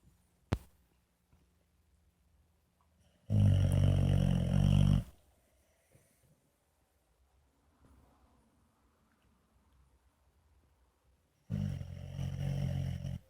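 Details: White boxer puppy snoring loudly in sleep; two deep, rumbling snores on breathing in, separated by long quiet pauses in a quiet room.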